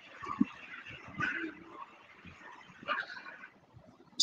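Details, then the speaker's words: Transcranial Doppler arterial flow signal: hissing, whooshing systolic pulses rising and fading with each heartbeat over low background noise, shown in the context of vertebrobasilar insufficiency testing before cervical manipulation. "this is the transcranial doppler you can hear these sounds that the systolic and you can see here this"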